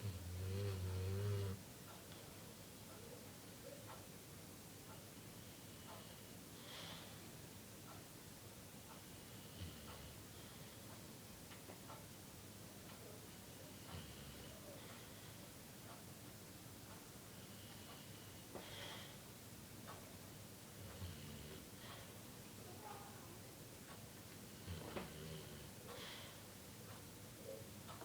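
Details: Bulldog puppy asleep on a couch giving soft, low snuffling snores about every five to six seconds in a quiet room.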